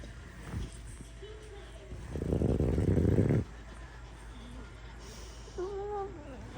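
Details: A sleeping French Bulldog gives one loud, coarse snoring breath, then soft whimpers and squeaks while dreaming.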